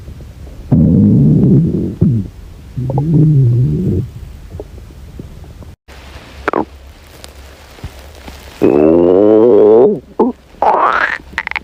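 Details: Hungry girl's stomach growling from hunger: loud gurgling growls with rising, squeaky tones and several short rumbles; borborygmi.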